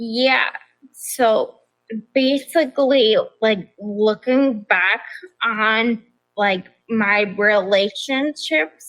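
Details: Adult woman with progressive ataxia of still-undiagnosed type, onset at age 26, affecting nerves, balance and speech, with nerve pain; mainly a wheelchair user: ataxic dysarthria.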